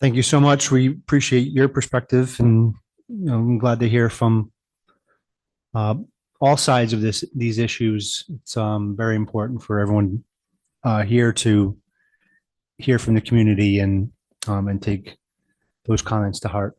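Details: Adult man speaking; ordinary speech.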